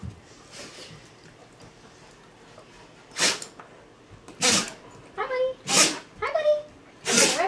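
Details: Old dog of about 10 years having a sneezing fit. He sneezes when he has had enough of another dog or needs to go outside: four sharp, explosive sneezes in quick succession with short whines between.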